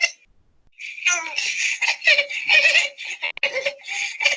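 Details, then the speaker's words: Neonate with a laryngeal disorder: harsh, high-pitched noisy breathing on both inspiration and expiration, biphasic stridor, pointing to obstruction at or below the vocal cords or a fixed obstruction. "this is a biphasic slider so we told you that ending in the vocal cord level and below your producer biphasic strangle"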